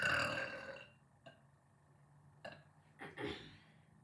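One long loud burp, then a few short quieter belches in a quiet room; ordinary burping.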